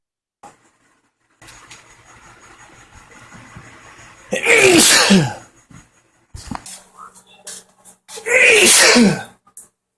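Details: Sneezing.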